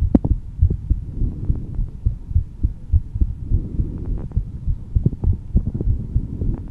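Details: Steady low thudding heartbeat, roughly 50 to 60 beats a minute, with muffled rumble, recorded audio-only while slightly calm; normal heartbeat.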